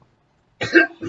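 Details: Adult with a long-standing irritating dry cough, worse under a fan or in an air-conditioned room: a single short, harsh cough burst with a brief second expulsion, no rattling or wet sounds.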